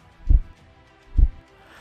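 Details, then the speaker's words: Normal first heart sound (S1, 'lub') from closure of the atrioventricular valves after blood fills the ventricles: two deep, dull thumps about 0.9 seconds apart. "देखिए जब blood ATM से इस ventricle chamber में आकर भर जाता है तब जब यह वॉल्व को धोते हैं तो इंवोल्व के कोन अ यानी in its true ventricular valve के कोने से लव शूट हमें सुनाई देता है इस तरह"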